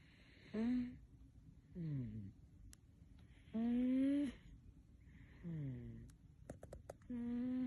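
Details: Pet cat snoring while asleep: squeaky, whistling nasal sounds alternating with breaths, about 18 a minute, with a few faint clicks.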